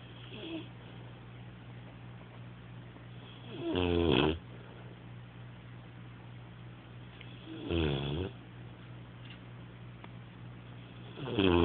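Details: Rocko snoring: three rattling, fluttering snores about four seconds apart, roughly 15 per minute, with a steady room hum between them.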